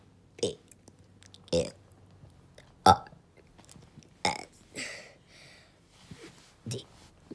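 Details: Deliberately burping the alphabet: a string of voluntary voiced burps, several short and one longer, shaped like spoken letters; belching.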